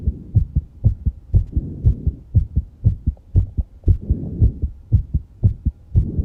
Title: My Fast Heartbeat After Exercising and Heavy Breathing